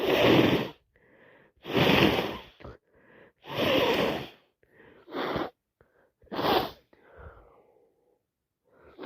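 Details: Repeated wet sneezing on day 3 of a common cold caught from a cousin; five loud sneezes in about nine seconds with short indrawn breaths between them, can't stop sneezing.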